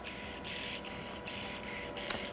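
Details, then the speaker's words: Steady whirring with rhythmic pulsing bursts of an arthroscopic shaver used with cautery to remove the coracoacromial ligament off the coracoid, during subacromial decompression in a patient with a rotator cuff tear. "by using Cotter and the shaver at the same time it it very easily removes it off the cor covid here"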